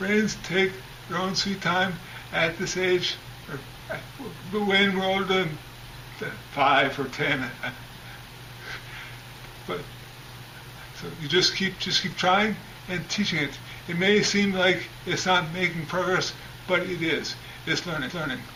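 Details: Adult man over 10 years after a traumatic brain injury with a three-week coma, speech still improving in recovery; acquired speech impairment after traumatic brain injury.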